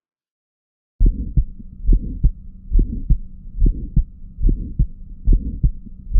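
Regular heart sounds at about 70 beats a minute, with a sharp, high-pitched click just after the first sound: a systolic ejection click.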